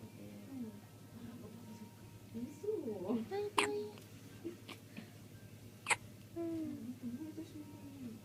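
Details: A fussing, babbling baby, apparently sleepy, after finishing milk, with a few abrupt sharp hiccups in a quiet room with low hum; hiccups.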